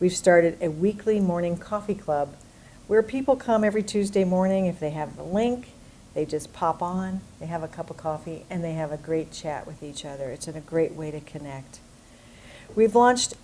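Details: Adult woman speaking; typical speech.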